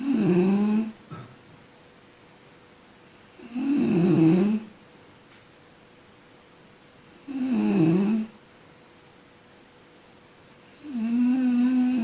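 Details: Person sleeping and snoring: loud, rattling snores on each breath in, about 16 a minute, with quiet pauses between them.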